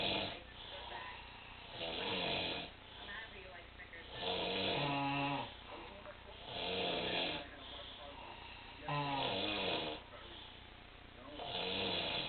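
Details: Snoring: loud, rough snores alternating with whistling nasal exhales, about 12 breath cycles a minute, slightly muffled recording.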